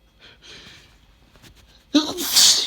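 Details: Single sneeze from a person reading a light novel aloud before taking their morning meds; faint speech, then one abrupt, loud, hissing sneeze with a sharp intake.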